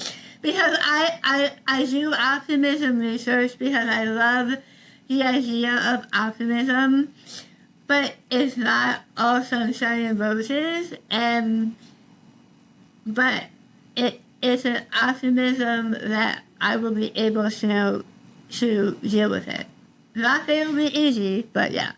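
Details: Adult woman about 3 years after stage 4 tongue tumour treatment: over half of tongue removed and rebuilt with forearm skin graft, neck dissection, 6 weeks of radiation and chemotherapy; altered speech since treatment, sometimes not understood by strangers; articulation disorder after partial glossectomy.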